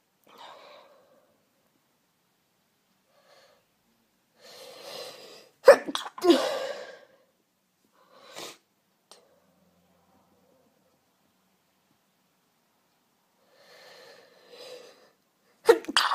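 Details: Woman with cat allergy flare after returning home: quiet inward breaths build to a strong sneeze, then more build-ups with a stifled sneeze and another sharp sneeze; repeated allergic sneezing.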